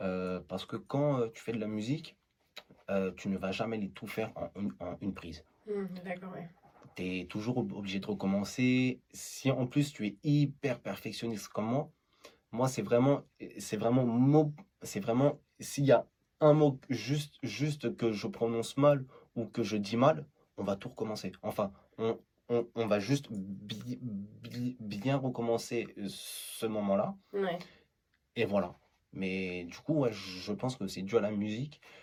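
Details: Adult man who stuttered as a young child and had speech therapy; stuttering returned at age 14 (July 2012) after the emotional shock of his mother suddenly going blind. He self-describes it as mild and masked, with blocks mainly on S and C syllables; stuttering (mild).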